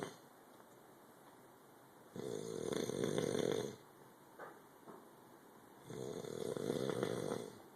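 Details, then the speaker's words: Man described as very drunk: two long, loud, rattling snores about 3.5 seconds apart with quiet breathing between, roughly 15 breaths a minute; heavy snoring. "all right you gota listen to this dude snoring"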